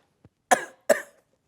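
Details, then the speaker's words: Two short, light coughs in quick succession, an acted imitation of a small, mild cough in a film rehearsal scene; cough. "I wouldn't say it was hacking up a lung but there was coughing a small cough like"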